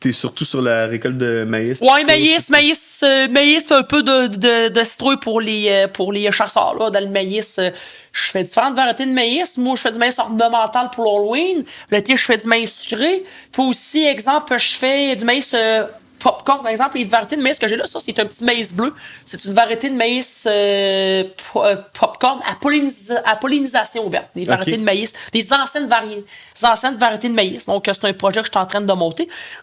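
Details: Adult male with self-described mild stuttering who had speech therapy as a child; French speech with repetitions; stuttering.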